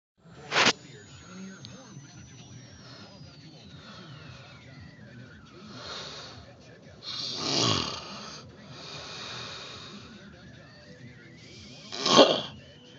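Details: A sleeping adult at an oilfield gives a few loud, irregular snorts and snores over steady engine-like background noise; snoring.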